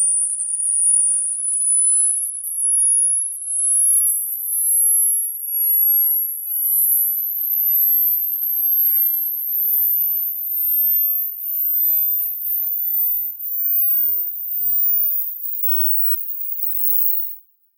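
A single high-pitched pure tone rises steadily in pitch until it becomes inaudible, a simulated hearing age test sweep.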